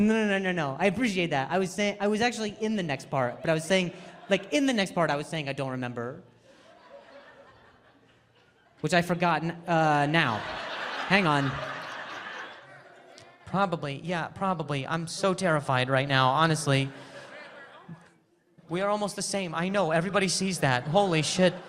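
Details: Adult male comedian who stutters, performing live crowd work on stage; he says people talking close to him while he speaks makes him stutter. Real stuttering.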